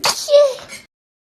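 A single sharp, hissing burst of air followed by a brief voiced trailing sound and a soft exhale: one sneeze.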